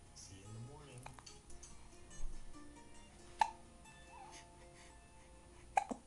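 Two sharp, brief hiccup sounds about two seconds apart over soft background music; ordinary hiccups.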